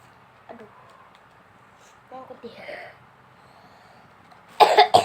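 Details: Person sick with flu, runny nose and cough, taking three pills of medicine: soft throat noises, then a sudden forceful cough burst after a pill lodges in the throat; cough.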